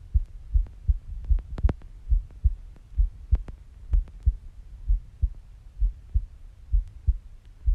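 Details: Steady low thumping heartbeat of a female, about 64 beats per minute, regular paired beats; normal heartbeat.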